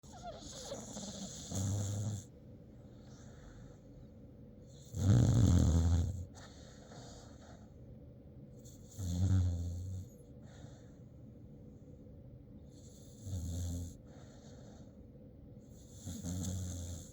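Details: Noodles, a sleeping dog, snores in low, rumbling bursts about every four seconds, five snores in all.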